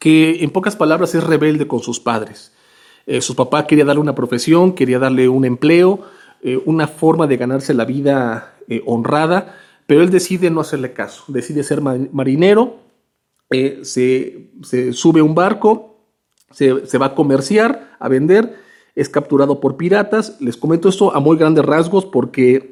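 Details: Spanish-speaking man who implies he is a person who stutters; spontaneous monologue; stuttering.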